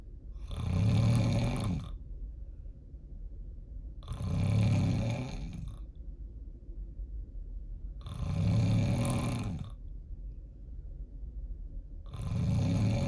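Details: Heavy snoring likened to a diesel truck: loud, deep rumbling snores on each inhalation, about 16 a minute, with quieter breathing between.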